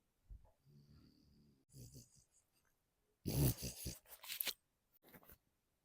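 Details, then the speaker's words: Snoring from a sleeping French bulldog in a quiet room: low, rattling snore-like rumbles and louder snorting bursts, heard in the background. "якщо ви чуєте хроп на фоні то я не тільки цікавлюсь французькою політикою У мене тут щей французький бульдог пані та панове"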